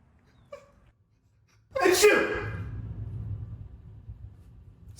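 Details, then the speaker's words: Single sneeze in a comedy short: a faint vocal sound, then one sharp explosive sneeze followed by a fading rumble. "You may not be able to tell, but he's going to sneeze any second now."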